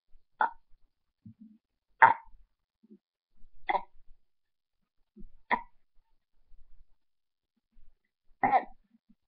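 Five short, sharp hiccup-like bursts about every 1.5–2 seconds, with quiet gaps between, roughly 35 a minute.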